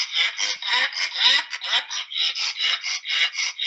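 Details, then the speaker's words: Laryngeal stridor in a pug with brachycephalic obstructive airway syndrome, from a veterinary lecture: rapid, rhythmic breaths, each with a harsh, high-pitched rasping noise like sawing wood. "now the respiratory noises that we're looking for are the sturter you know i've been given this lecture for years and i still find that upsetting it's remarkable"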